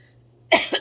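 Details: A single short cough from an adult woman who says her voice is very hoarse, a sharp burst with a brief second push over a faint low hum.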